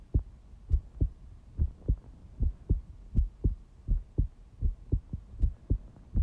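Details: Heartbeat.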